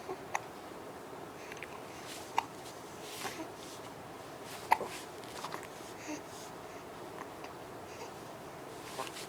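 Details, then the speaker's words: Infant girl with hiccups: brief, sharp hiccup sounds at irregular intervals, about three in nine seconds, over room noise and a parent's talk. "um my goodness those hiccups they're terrible okay they're terrible okay okay"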